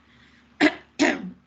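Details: Throat clearing / cough.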